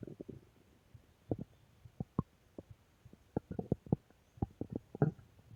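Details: Ordinary stomach growling (borborygmi): short, irregular low pops and gurgles over quiet room hiss.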